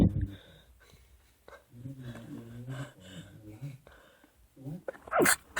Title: Literally sneezing like crazy